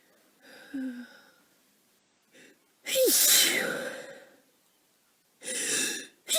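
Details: Person with a cold for a few days, exhausted: a drawn-in breath, then a loud explosive sneeze followed by two shorter sneezes; repeated sneezing.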